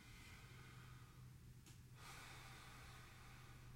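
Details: Respiratory assessment auscultation of an adult male former smoker, anterior and posterior chest: soft breath noise with one clear deep inhalation, no adventitious sounds, not diminished; normal breath sounds, clear lungs.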